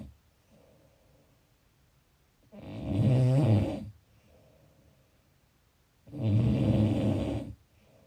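Two loud, rough, low-pitched inspiratory snores separated by quiet exhalations, about 18 breaths a minute; typical snoring.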